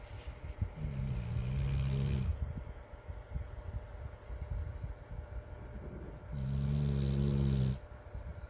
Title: Snoring Dog